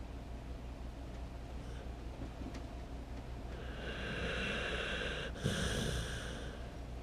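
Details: Loud, rough, snorting breath drawn in over a steady low background hum; loud snoring.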